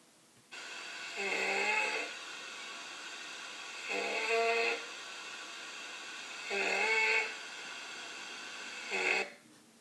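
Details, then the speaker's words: Stridor signalling upper airway obstruction, as may occur with airway swelling in anaphylaxis, harsh high-pitched musical breath noises repeating about four times, usually during inspiration. "We also listen for stridor that signals upper airway obstruction. It can sound something like this."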